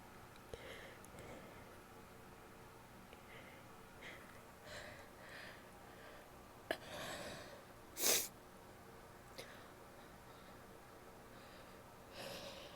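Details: Soft sniffs, a sharp stifled burst, then a loud wet sneeze and a later nasal blast from a female; wet sneezes, two stifled sneezes and a nose blow.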